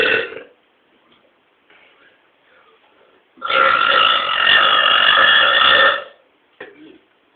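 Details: Two people burping loud and powerfully: a short burp, then a long, loud, voiced belch of about two and a half seconds and a brief final one in a quiet room; burping.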